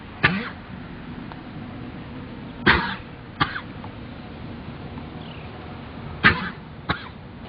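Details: Horse coughing while worked in a round pen to show the cough: five short, harsh coughs at uneven intervals over background room and engine noise.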